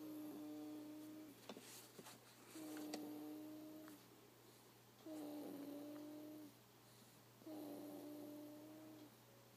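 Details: Sleeping baby making soft, even humming tones with each breath, about 25 a minute, over steady room hum: gentle snoring.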